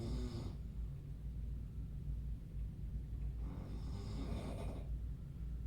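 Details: Two loud, rough, low rattling snores about four seconds apart over steady room hum, from the family member accompanying the patient in the next hospital bed, at night; loud snoring.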